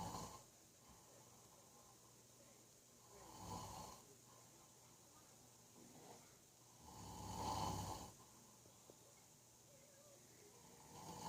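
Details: A father snoring while asleep: slow rumbling snores on each breath, about 16 breaths a minute, over quiet room noise; ordinary snoring.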